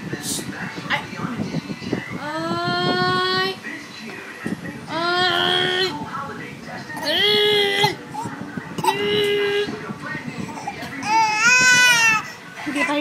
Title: Cry Baby